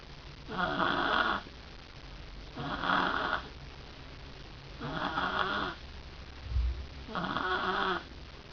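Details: Snoring in a sleeping girl: four rumbling, buzzing snores on the in-breath with quiet pauses between, about 28 a minute.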